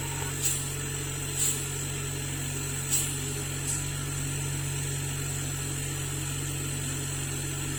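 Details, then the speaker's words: Oxygen concentrator running normally after repair with a replaced humidifier bottle, output responding as flow rate is adjusted up and down. "Les les tests ont été dans les bien effectués et tout était bon le début bon."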